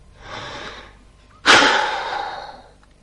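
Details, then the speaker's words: Quick inhalation, then one sharp forceful exhalation into a peak flow meter by a girl with asthma during her daily check; best of three attempts is recorded, and a good reading for her is about 400, much lower when her asthma is bad. "every day CLA monitors how easily she can breathe out using a peak floor meter"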